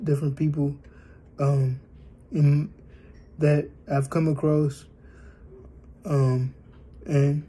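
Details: Speech of an adult male born with cerebral palsy, 3 months premature, who is aiming to improve his standing, walking, talking and cognition; possible dysarthria.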